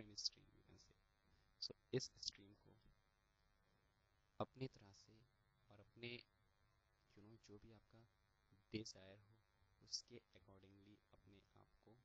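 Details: Stuttering in a young man, a final-year computer science student, who is attending stammering therapy sessions.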